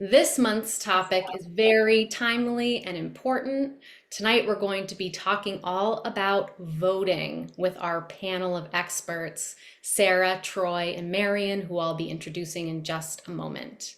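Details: Adult female speaker; normal speech.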